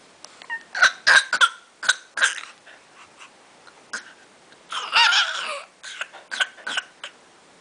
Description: Since Dad's been sick recently, has learned to pretend to cough as a mode of communication.